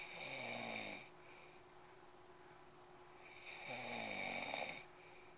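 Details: Two long, harsh, buzzing snores on breathing in from a sleeping husband, separated by quiet pauses; snoring during sleep.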